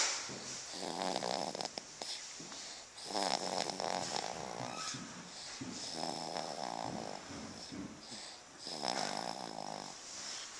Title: snoring